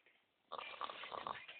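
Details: Snoring in a sleeping boy: a short rough, rattling breath sound after a quiet start; room sound is tinny.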